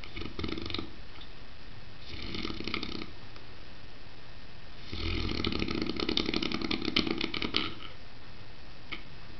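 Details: A Saint Bernard sleeping on the stairs gives loud, rough, rattling snores with each breath, the longest lasting about three seconds. Harmless dog snoring.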